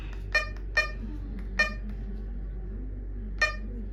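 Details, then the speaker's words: Syringe pump alarm beeping because AC power is reported disconnected, during a syringe pump setup demonstration; the pump wants to be switched on. "Dia dibilang AC power-nya enggak enggak terdiskoneksi ya. Dia maunya ini dinyalain nih."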